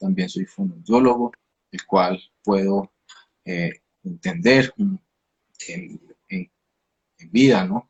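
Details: 29-year-old man, a speech-language pathologist who stutters; onset at age 13, linked to emotional upheaval around a hospitalization, with a genetic component since his father also stutters; stuttering.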